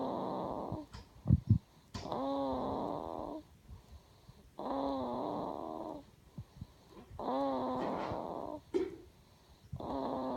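Regular, rattling snores on each breath, about one every three seconds, from a sleeping infant.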